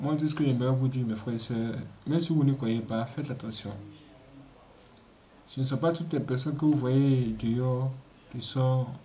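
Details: Adult man speaking French; normal speech.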